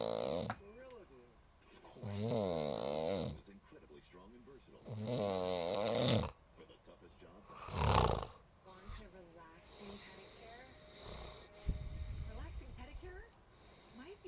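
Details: Snoring heavily again, recorded with TV commercials playing: loud, rattling snores with long pauses between them; snoring.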